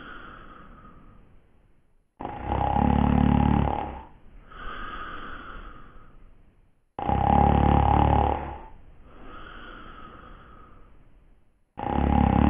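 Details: Simulated heavy snoring by a character in the TV drama Dark Shadows: loud, regular rattling snores alternating with softer outward breaths, about twelve breaths a minute.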